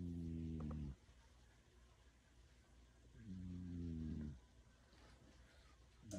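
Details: Snoring from a cat asleep on a man's lap.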